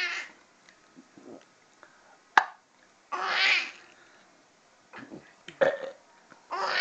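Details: A dad burping: several loud, drawn-out belches with short bursts between them and quiet room noise; burping.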